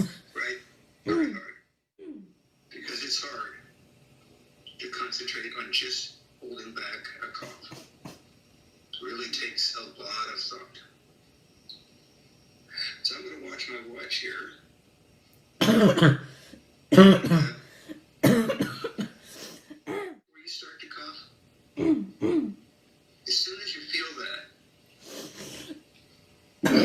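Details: A woman with habit cough (somatic cough syndrome), since cured, gives frequent short, harsh throat-clearing coughs in repeated bursts, louder toward the end, with no breathing noise between them.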